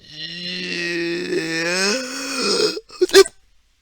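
A long, rising, drawn-out voiced belch about three seconds long, followed by a short blowing burst, fitting a loud burp.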